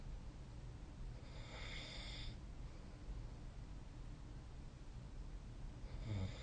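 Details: Person snoring during sleep: low, steady rumbling with a rough, noisy inhaled snore early and another starting at the end; snoring.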